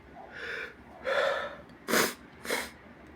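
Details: Two induced sneezes preceded by quick indrawn breaths, ending with nose blowing, in a quiet room.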